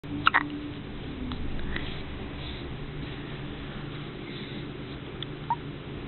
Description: Four day old has hiccups